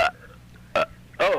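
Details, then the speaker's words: A 16-year-old girl burps deliberately in one sitting in 1992: three short, voiced burps in quick succession from swallowed air, recorded on tape and played back slow. "I'm just burping a bunch of times because I want you to hear it."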